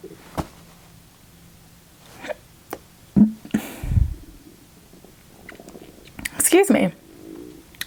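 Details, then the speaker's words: Adult woman after finishing a chicken caesar wrap and fries meal, feeling gassy: low rumbles and bubbly, squeaky stomach gurgles, ordinary post-meal stomach rumbling (borborygmi). "made me super gassy like burpee and my stomach's going crazy"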